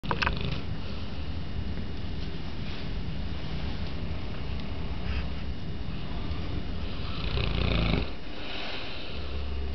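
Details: Two sleeping Mastiff dogs: low, rumbling snoring with a louder breath near the end; snoring.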